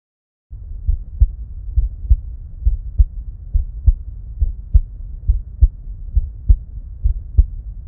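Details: Normal heart sounds recorded with an EKO DUO digital stethoscope alongside simultaneous ECG: regular paired lub-dub at about 68 beats a minute over a low steady hum, with no voice.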